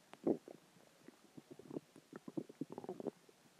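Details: Stomach growling after dinner, water and gas: quick run of bubbling, gurgling pops over quiet background; borborygmi.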